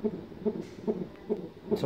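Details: Doppler recording of a fetal heartbeat: rapid, regular whooshing pulses at about 143 beats a minute, fetal heart tones.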